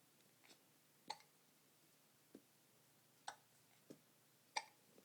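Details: Hiccups in infant twins: quiet, abrupt little hic sounds repeating about 45 times a minute, somewhat irregular.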